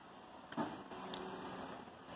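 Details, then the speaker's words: Second-generation open-source emergency ventilator (based on the OxyGEN design) running, with a lever arm and an adjustable PEEP valve: low mechanical motor hum with a brief clunk from the moving arm. "we get a little bit of air in the lung the water levels ranging in this area right here so we can get an accurate measurement on our tidal volume and the water column provides pressure to push the air back out of the lung"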